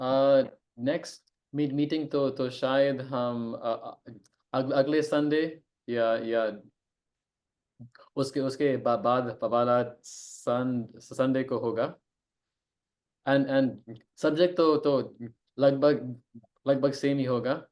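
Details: Stuttering in an adult man who joined a stammering self-help association 15 days earlier; previously had frequent stammering and blocks, has worked on it himself and is now working on smoother speech; frequent pauses heard.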